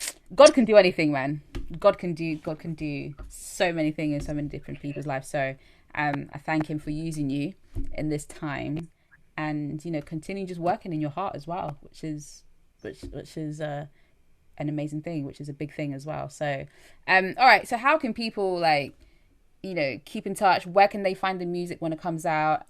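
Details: Adult speaker in conversation; ordinary conversational speech.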